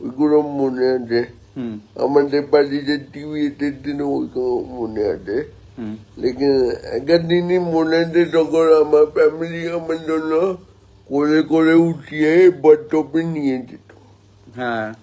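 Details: Adult man born 1988 with spastic cerebral palsy from lack of oxygen at birth, about 70% motor nerve damage affecting both hands and legs, speaking Bengali; dysarthria (cerebral palsy).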